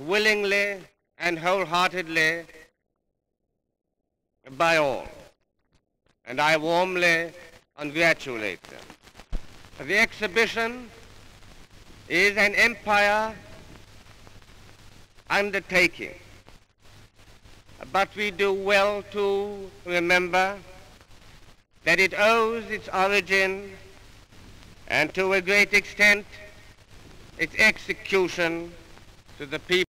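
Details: An adult man with a stutter since childhood who had speech therapy, giving a 1938 public speech in Glasgow; stuttering.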